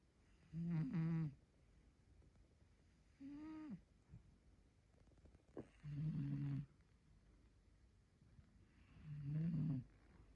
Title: In case you need to see a video of a snoring cat